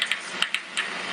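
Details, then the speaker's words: Microelectrode recording during deep brain stimulation surgery in an awake patient: crisp crackling pops over hiss from a single kinesthetic thalamic nerve cell that fires as the patient's wrist is moved, used to localize movement-responsive cells. "when in the surgical setting you listen to a spot and you can hear the cell firing and I move the wrist it's a kinesthetic wrist self"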